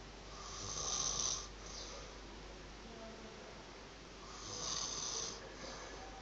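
Two faint, breathy, hissing snore-like breaths about four seconds apart over steady room hum.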